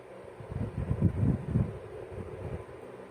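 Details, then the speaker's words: Fast, soft, whooshing pulses under static hiss, picked up with a home Doppler by the pregnant mother checking her sleeping baby; fetal heartbeat, judged okay. "Ang tagal na tulog ni baby So Sabi ko magcheck naa ako ng kanyang heart"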